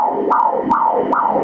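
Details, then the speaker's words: Fetal umbilical cord Doppler at 31 weeks' gestation, baby head-down and face-down, cord with two arteries and one vein: rhythmic, regular pulsing whooshes at 142 beats a minute; a normal fetal heart rate. "repara que o cordão umbilical são duas artérias de uma veia nós podemos ouvir as batidas do coração no cordão umbilical"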